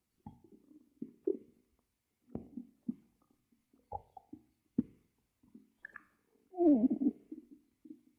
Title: Stomach growl.I Tried Monitoring it!